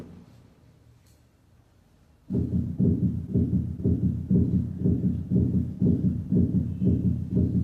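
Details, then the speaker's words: Veterinary cardiology auscultation teaching recording through the stethoscope bell, now at 120 beats per minute: regular, rapid lub-dub heart sounds, a fast-rate example. "para ello la campana del estetoscopio primero a 60 latidos por [Música] y ahora a 120 latinos por minuto"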